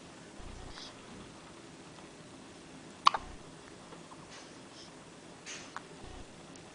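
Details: A man with hiccups in a quiet room: a couple of sudden, sharp gulping catches a few seconds apart.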